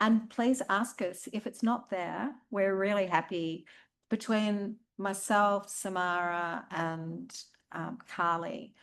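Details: Adult woman speaking; normal speech.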